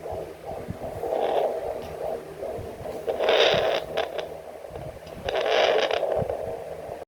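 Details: Doppler check of a fetal heartbeat, counted at 140 to 150 per minute: rhythmic whooshing pulses with static and shifting noise as the active baby moves.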